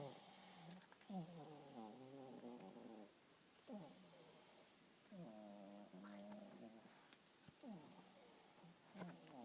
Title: Cinnamon snoring 11-18-11